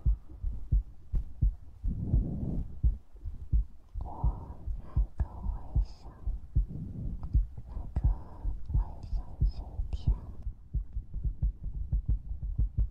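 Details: ASMR recording: steady low thumping heartbeat, roughly 85 to 90 beats a minute, under soft breathing and mouth sounds; heartbeat.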